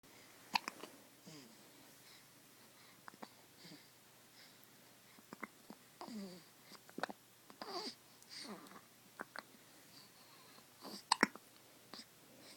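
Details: Newborn baby with hiccups: small, sharp, irregular catches among soft grunts and little squeaks.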